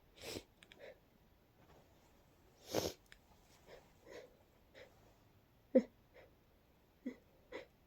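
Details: Soft, breathy sneezes with sniffly, snorting breaths in a quiet room at night; a congested sneezing fit in a person coming down with a cold, with a breathy build-up.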